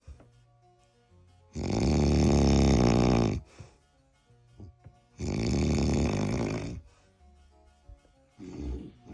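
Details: Man's very loud snoring during a nap, synchronised with another sleeper: two loud, rough, drawn-out snores about three seconds apart, with faint background music.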